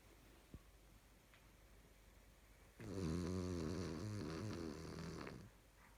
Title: Snoring Dog